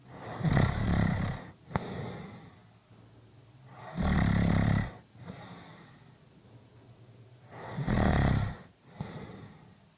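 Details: Three loud, rumbling snores on breathing in, each followed by a softer breath out, about 15 breaths a minute; typical snoring.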